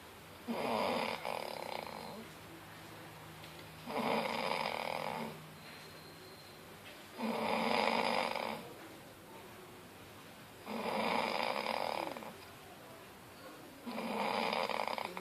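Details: A man snoring during sleep: loud, rough snores on each breath, about 19 a minute, with quiet gaps between them.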